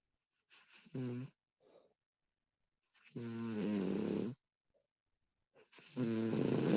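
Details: Woman recorded while asleep, extended one-hour recording: repeated fluttering, rattly inspiratory snores with short snorting onsets, a few seconds apart; ordinary snoring in sleep.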